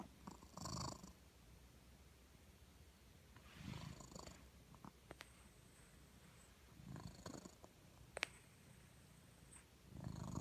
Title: Snoring kitty